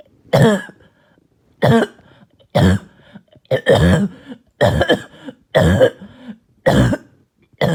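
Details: Barking, hacking cough during an exhausting night of coughing: about eight harsh, deep, hacking cough bursts at irregular intervals in a quiet room.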